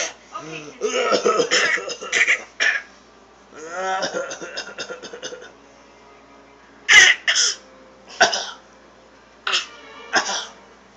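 Voiced sounds followed by about five short, sharp cough bursts in pairs and singles.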